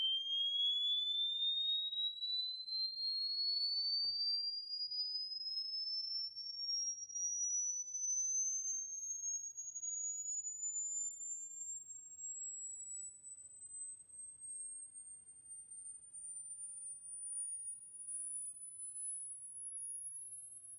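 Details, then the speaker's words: Pure-tone sweep played as an informal hearing test, gliding steadily upward from 1,000 Hz to 20,000 Hz over about twenty seconds, becoming very high and thin; a hearing test sweep tone. "So if you listened to that in Chrome and your headphones or speakers are up to the task you just experienced an audio tone that went from 1,000 hertz to 20,000."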